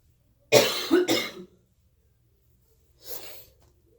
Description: Lots of sneezes. I feel miserable.